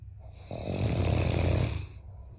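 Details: A giant Mastiff puppy and a husband snore loudly together while asleep, with one loud, low, rattling snore of about a second and a half against quiet room noise.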